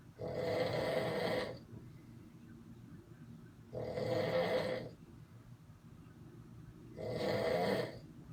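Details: Man deeply asleep, described jokingly as in a coma: loud, harsh, rattling snores with quieter breathing between them, about 19 a minute; heavy snoring.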